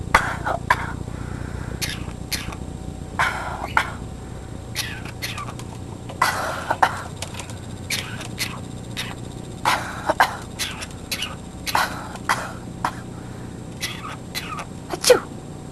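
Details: Green-cheeked conure (small parrot) giving a long series of short, sharp, cough-like bursts in a quiet room.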